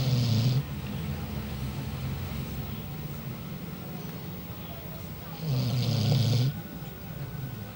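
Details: Sleeping dog: low rumbling snores over steady background noise; snoring.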